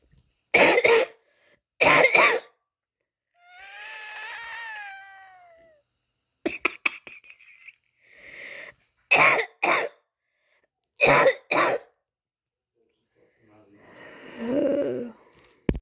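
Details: Person with asthma coughing during an asthma flare: six harsh coughs in pairs with a high, whistling, squeaky in-breath between them; cough with wheezing.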